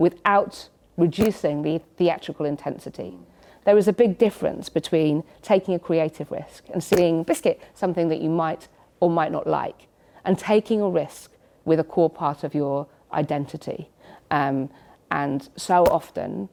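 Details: Adult woman with Tourette syndrome, a neurological condition; involuntary vocal tics such as "biscuit" occurring during her speech; Tourette syndrome (vocal tics).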